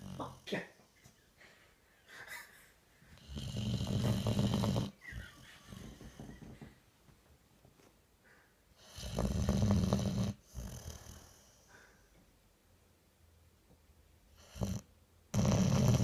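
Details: Bull boxer dog asleep, snoring loudly in long rumbling breaths, about ten a minute, with quiet pauses between; snoring.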